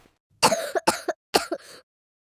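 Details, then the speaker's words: Three quick, harsh, acted cough bursts from a child with chest congestion whose coughing kept them up all night: dry cough. "बच्चे की खंसी तो रुकी नहीं रही। सारी रात गुजर गई।"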